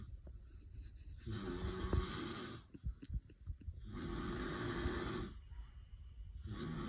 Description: Weimaraner dreaming while husband snores